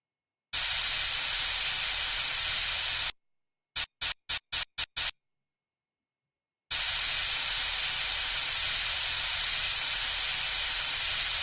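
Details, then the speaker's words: Braces placement: teeth are dried with air before bonding agent and brackets are applied, giving a steady loud hiss, a few short puffs, then a second long hiss. Dental air syringe. "let's spray some air to get the teeth nice and dry can you handle that for me"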